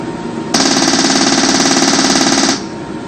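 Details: Repetitive transcranial magnetic stimulation (rTMS) for depression, electromagnetic coil against the scalp near the forehead: two-second train of rapid, loud clicking pulses, about three to four a second.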